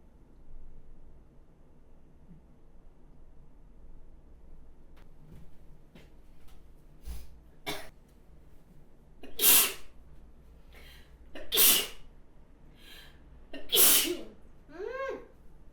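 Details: Three sharp, explosive sneezes from an adult woman, each preceded by a quiet breath in. Finding: sneeze.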